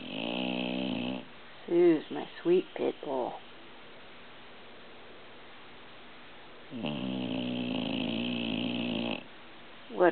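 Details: Old dog, a shelter rescue, snoring in sleep: two long buzzing snores with snorting, throaty sounds between them.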